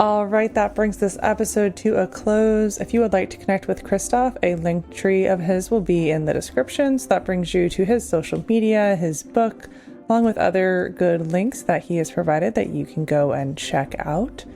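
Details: Adult woman speaking; normal speech.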